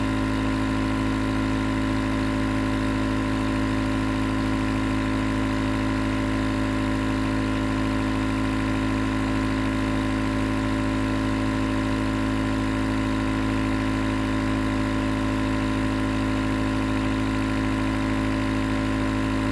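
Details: Continuous nebulizer compressor running, recorded as white noise for sleep: steady mechanical hum with a fast, even pulsing throb.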